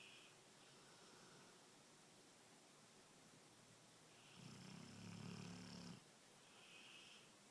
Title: Cane Corso Snoring!